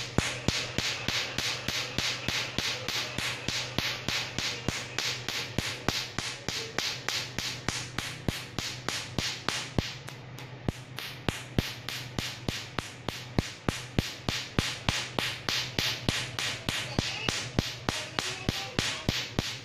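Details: Tattoo removal laser firing pulses: rapid, regular sharp snapping clicks, about 200 per minute, over a low hum.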